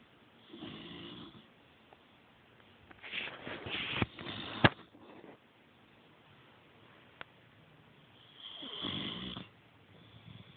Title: Mr. Bentley snoring at the Featherball.